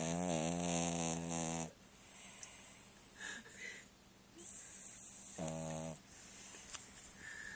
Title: Snoring Deuce